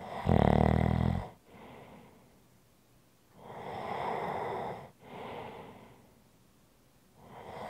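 Loud rattling snore on breathing in, then quieter breathy breaths out, in slow repeating cycles: snoring.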